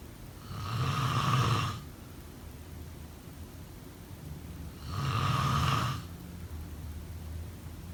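Two long, rumbling snores on the in-breath, about four seconds apart, roughly 15 breaths a minute.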